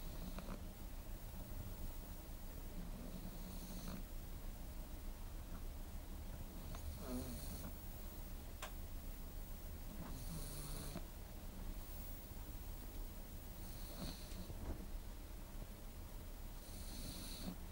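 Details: Sleeping pug snoring: soft, rattling snorts and snuffles with each breath over steady background noise.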